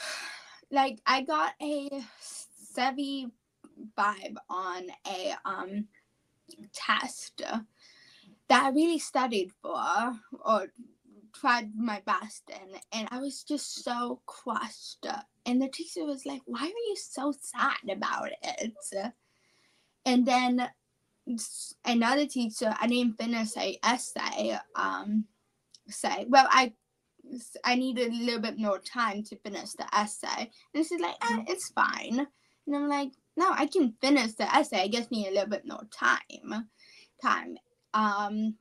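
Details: 17-year-old female high school senior with childhood apraxia of speech, a neurological disorder, in speech therapy since about age four, with word-recall difficulty and once only 10% understandable; childhood apraxia of speech.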